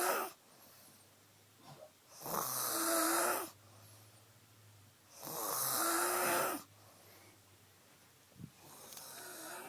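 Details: Young woman passed out on a couch after heavy drinking, snoring loudly: harsh, fluttering inspiratory snores about every three seconds, with quieter breathing out.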